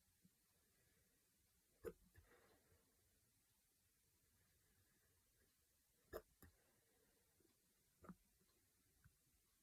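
Three sharp, abrupt hiccup sounds in a quiet room, each a sudden catch of breath; hiccups.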